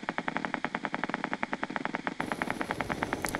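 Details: Needle EMG technique demonstrated as done in clinical practice, for neurophysiology teaching: rapid, crisp, regular popping of several motor units firing during light muscle contraction, normal motor unit potentials.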